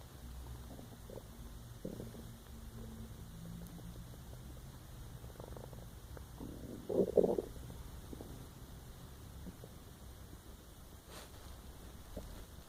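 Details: Person lying awake trying to sleep, recording own empty stomach; soft low gurgles and rumbles with a brief louder bubbling burst, stomach growling (borborygmi).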